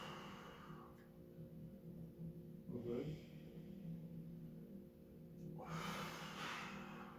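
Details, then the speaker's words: Soft, even breath sounds heard by stethoscope over the chest of a 54-year-old male carpenter breathing in through the nose and out through the mouth, no wheeze or crackles, music behind; normal breath sounds, no anomaly found. "vamos a revisar la respiración de los pacientes para escuchar si hay alguna anormalidad o todo está perfecto"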